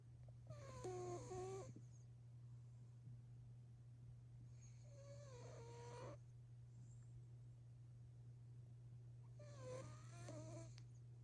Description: One minute close-up of an orange cat sleeping and snoring.